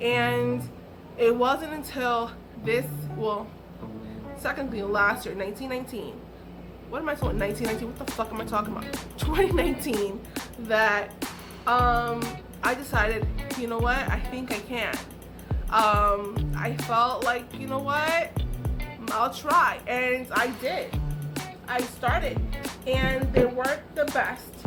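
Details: Adult woman with aphasia caused by a stroke, which left her unable to talk, write, read or paint; she is still recovering.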